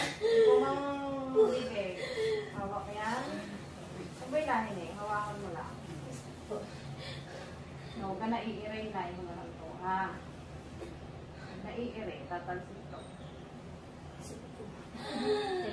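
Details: Newborn cry just after a normal vaginal birth at a birthing home: repeated short wavering cries with faint adult voices and room noise.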